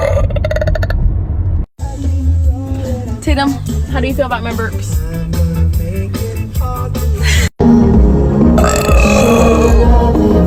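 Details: Loud, drawn-out belching sounds over continuous background music: burping.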